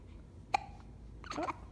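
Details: Baby with hiccups: a soft, abrupt hiccup followed by a faint squeaky breath sound.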